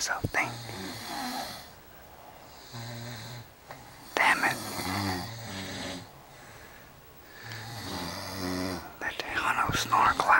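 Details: Loud, rough, irregular snoring breaths with fluttering inhalations and breathy exhalations a few seconds apart, keeping a listener awake at night; ordinary snoring.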